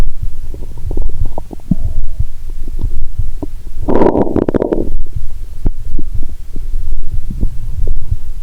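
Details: Low rumbling and scattered gurgling clicks through a stethoscope on the abdomen while lying down after drinking cola with Mentos, one loud bubbling gurgle midway: active bowel sounds.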